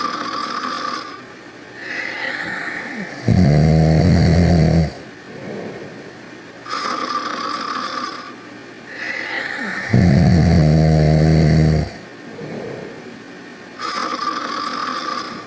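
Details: Loud, rattling snores about every seven seconds with softer breath noise between; snoring, from Ruby and Sonic.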